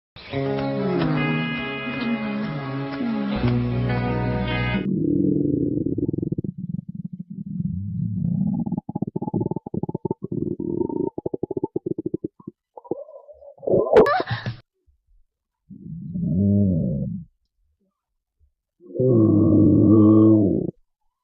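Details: Ordinary stomach growling (borborygmi): low gurgling rumbles and squeaky tones from the belly after a brief music intro.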